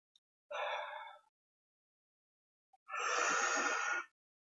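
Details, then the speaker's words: Pulmonologist demonstrating metered-dose inhaler use with a spacer, breath-hold method: faint click, short exhale, then long even deep inhalation through the mouth via spacer, to hold 10 seconds and exhale through the nose. "inhale via your mouth hold the breath count 10 seconds and exhale via your nose"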